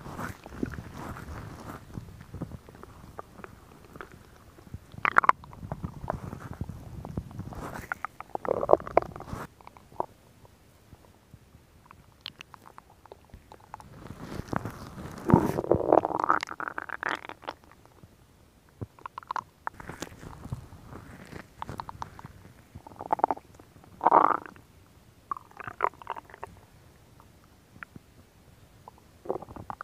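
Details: Irregular gurgles, rumbles and squeaks from an adult woman's abdomen, recorded for ASMR: ordinary stomach growling, or borborygmi, from gas and fluid moving.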